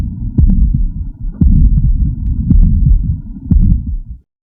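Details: Regular heartbeat near 60 a minute with a rough whooshing murmur filling the gaps between beats: subaortic stenosis murmur, which is described as HOCM, hypertrophic cardiomyopathy.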